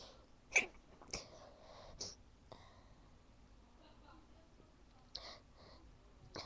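Several short, held-back sneezes with sharp bursts of air and little voice, sneezes being stifled.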